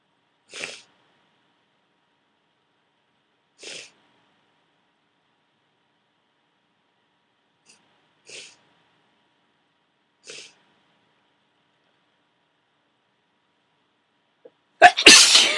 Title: Powerful Cold Sneezing